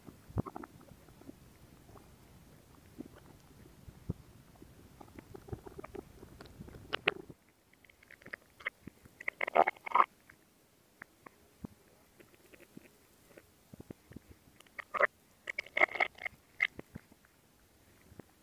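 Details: Stomach growling picked up directly over the belly: gurgling, bubbling sounds, ordinary active bowel sounds (borborygmi).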